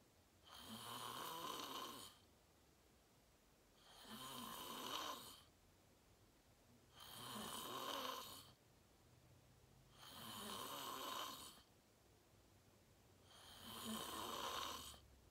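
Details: Self-recorded sleeper, fell asleep fast around 8:45, self-described deep REM sleep (sleep apnea only hashtagged): regular rasping inspiratory snores about 19 a minute, quiet gaps between; steady snoring.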